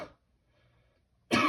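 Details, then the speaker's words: Voluntary cough attempted after active cycle breathing by an adult with COPD exacerbation, shortness of breath and mucus in the right lower lobe, aiming for a productive cough; a little mucus came up. "so now I'm going to have you try and cough we're going to we're looking for a productive cough to see if we can get any of that mucus up"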